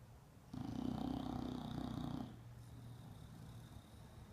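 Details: Bulldog sleeping after being groomed: a loud, rough, rumbling snore on the in-breath, then a quieter snuffling out-breath over steady room hum.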